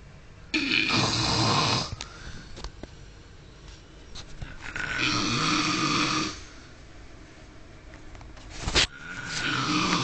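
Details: Loud, rough, rattling snoring in a sleeping man, with slow breaths about one every five seconds and quieter pauses between them.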